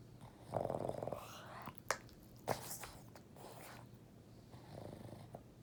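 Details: Sleeping, dreaming Boston Terrier dog: rough, rattling snorts and purring noises with a few sharp snuffles; snoring.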